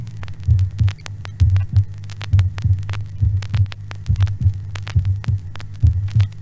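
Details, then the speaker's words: Normal heart sounds near 68 per minute, the first sound intermittently split, a common finding in normal hearts; normal heart sounds with intermittent split first heart sound. "et voici d'abord les bruits du cœur normal vous noterez avec nous qu'il existe un dédoublement intermittent du premier bruit qui s'observe couramment sur les cœurs les plus normaux"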